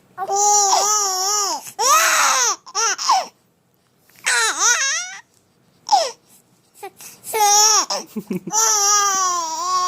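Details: Twin babies frightened by their father's snoring, crying: repeated high, wavering cries with short pauses, from one or more babies in a small room.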